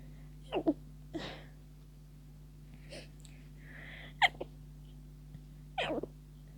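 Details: Stifled sneeze attack near the end of a cold, with tickling sneezes that won't stop; several short, muffled sneezes with catching breaths in between.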